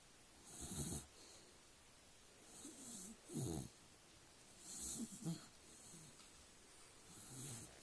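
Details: Soft snorting snores with a hissing edge recur every one to two seconds, some with a faint whistle, from a dog sleeping on his back: snoring in sleep.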